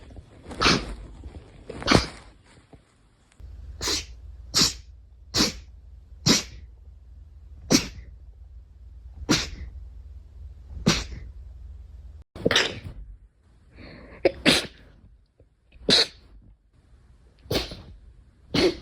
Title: sneeze 71-80